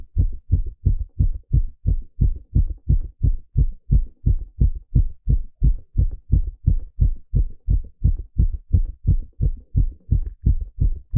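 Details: Very regular, rapid low heart thumps, roughly 170 to 180 a minute, live heartbeat sound during an ECG stress test; rapid heartbeat during exercise.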